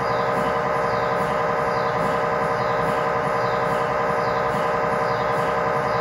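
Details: Loud steady mechanical buzzing with rhythmic knocking about 90 a minute, inside the scan room during a tibia/fibula MRI sequence with a GE high-definition lower-leg coil (stated as 16 or 8 channel), test scan; normal MRI scanner noise.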